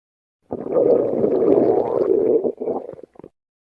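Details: Loud stomach growling (borborygmi): a drawn-out rumbling gurgle of about two seconds, then a few shorter bubbling sounds.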